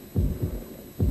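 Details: Normal heartbeat from a 1997 American Red Cross emergency response training tape: low, paired, regular thumps over a faint hum.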